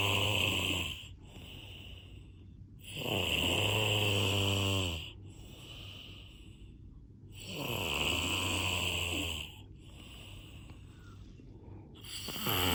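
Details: Snoring during sleep: loud, rattling snores on each in-breath, about three in 13 seconds, with quieter out-breaths between.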